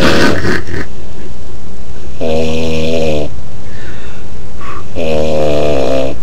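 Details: Very loud, buzzing snores on long breaths, loud enough to distort the recording, from a man sleeping; heavy snoring.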